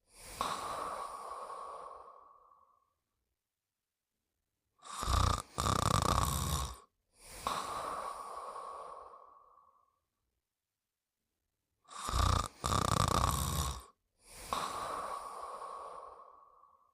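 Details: Sleeping and snoring; slow, rough breaths with snorting inhalations and long drawn-out exhalations, about eight cycles a minute; noisy breathing in sleep.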